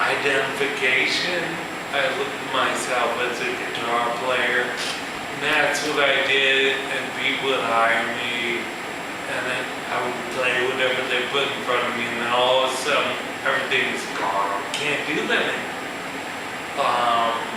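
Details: Man with ataxia, a neurological disorder with cerebellar cell death affecting balance and speech, who says his speech has improved, giving a live talk; ataxic dysarthria.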